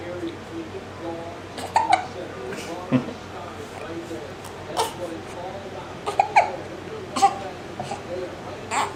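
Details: Hiccups: repeated short, abrupt catches in the breath, several in quick succession, among soft voice sounds.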